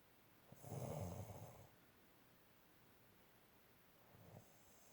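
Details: Snoring: one low, rumbling inhaled snore lasting about a second, followed by a quieter breath.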